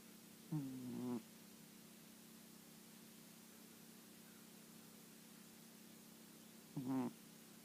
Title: Cat snoring